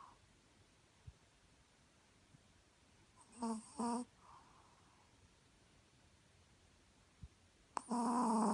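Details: Sleeping Chihuahua snoring: a few short, buzzy snorts separated by quiet breathing; ordinary snoring.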